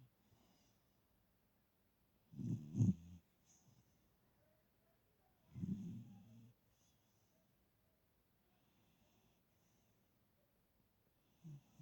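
Soft, low snorting snores about every three seconds with quiet gaps between; gentle snoring of a sleeping small dog.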